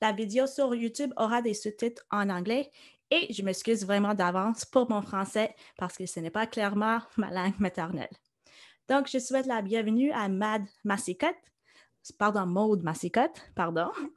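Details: Adult woman speaking French; typical speech.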